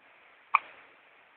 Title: hiccup - baby